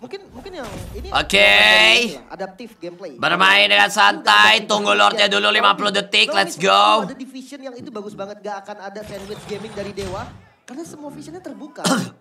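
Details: Adult male speaker; normal voice.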